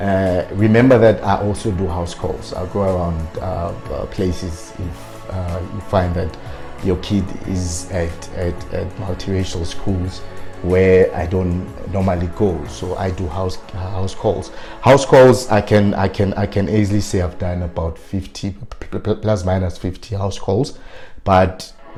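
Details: Adult man with stuttering who self-coached to work on his fluency but still stutters on certain words; stuttering.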